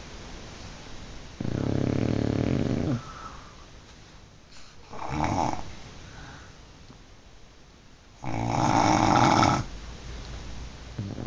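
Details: Two sleepers snoring together in a small room: loud rattling snores alternating with softer ones; ordinary snoring.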